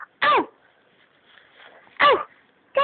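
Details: An infant's three short, loud, voiced coughs about two seconds apart in a quiet room, called a terrible cough; baby cough.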